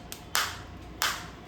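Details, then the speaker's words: Biotronix focused (not radial) shockwave therapy device demonstrated, intensity 4 rising gradually, frequency 90, 1000 shots set, operator feeling it inside: sharp separate snapping clicks with faint room hum between; shockwave device firing. "अब आप इसको intensity को मैं धीरे-धीरे बढ़ाऊंगा। धीरे धीरे धीरे इंटेंसिटी इनक्रीस हो रही है। बिल्कुल फोकस शॉप वेव आ रही है।"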